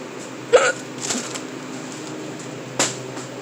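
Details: Person with persistent hiccups while stocking a cooler at work; two sharp, abrupt hiccups a few seconds apart over steady room hum.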